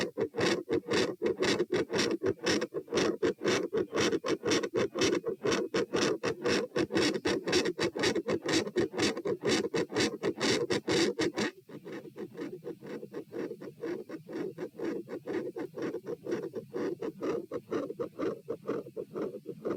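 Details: Heart sounds recorded at chest position P during a lie-stand-lie postural stress test (84-120-126-78 bpm): loud, rapid, regular beats at about 120 a minute with a sudden drop in loudness; rapid heart sounds.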